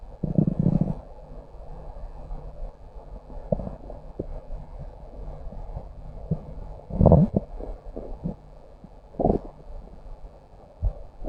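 Low, irregular gurgling rumbles with quiet gaps between them; ordinary stomach growling from gas and fluid moving through the bowel.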